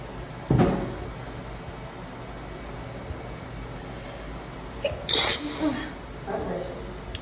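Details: Two sharp, explosive sneezes a few seconds apart in a quiet, echoing public restroom, with a short vocal sound after the second; repeated sneezing fit.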